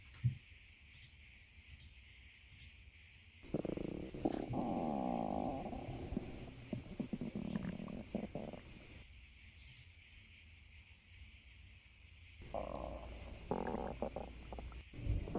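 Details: Sleeping cat's stomach growling: two bursts of low, gurgling rumbling between quiet stretches over steady background hiss; normal borborygmi.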